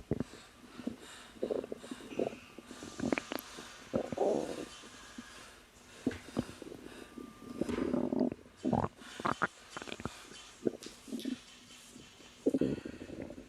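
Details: Woman about 3 months pregnant, relaxing, says she has felt uncomfortable but not in pain since learning she is pregnant; irregular gurgles and bubbling rumbles in short bursts over a quiet background: ordinary stomach growling, normal bowel sounds.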